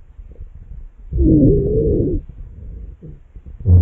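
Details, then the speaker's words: Simulated auscultation of a 12-year-old boy with asthma diagnosed three years ago, in suspected exacerbation with one hour of breathing difficulty: continuous high-pitched musical wheezing, mostly on expiration, from narrowed airways. "these are typical chess exploitation findings during an asmr exacerbation specifically we heard wheezing these are high pitched musically continues sounds that are mostly hurt over expiration because that's the moment with the air pass through narrower airways"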